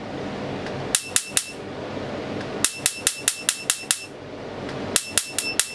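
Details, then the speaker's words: Laser tattoo removal on a client addressed as madam, with the first shot set strong at the start: sharp snapping laser pulses in bursts of three, five and four, with a quiet hum between. "अभी मजा आ रहा है ना start में पहला shot जोर से रखता है ना"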